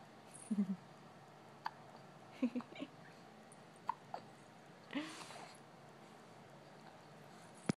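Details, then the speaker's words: Two small animals taking turns hiccuping: soft, brief repeated hiccups, several quick jerky sounds over a few seconds. "They both have the hiccups."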